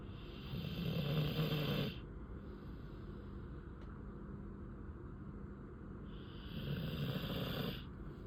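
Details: Snoring from a sleeping dog: two low, rumbling snores with a hissing edge, about six seconds apart.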